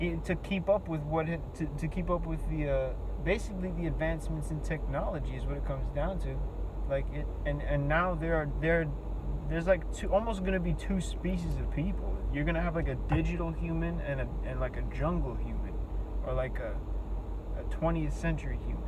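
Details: Adult with a self-reported speech impediment whose words break down completely in face-to-face talk, forcing breaks; many repeated words and restarts heard; disfluent speech (self-reported speech impediment).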